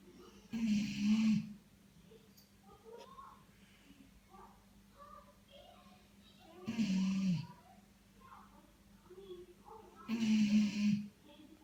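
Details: Dog with three low rumbling snores 3–4 seconds apart, quiet breathing and faint room sounds between; snoring.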